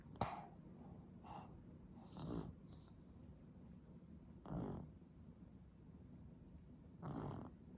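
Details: Eight-month-old Japanese baby snoring while sleeping well: soft, regular snoring breaths over a steady room hum.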